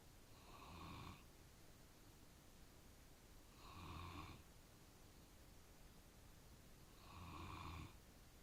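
Three soft, rattling snores at about 18 per minute over low room noise; ordinary snoring in a sleeping dog.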